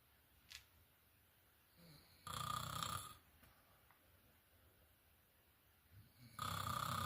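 Two loud, rasping breath sounds separated by several seconds of quiet breathing, typical of snoring during sleep.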